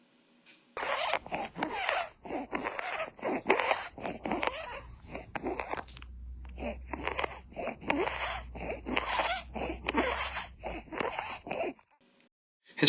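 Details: Rapid, harsh, raspy stridor with each breath in a 2-month-old full-term boy with noisy breathing since birth, worse with feeding and agitation, caused by a pulmonary artery sling; laryngoscopy showed no laryngomalacia.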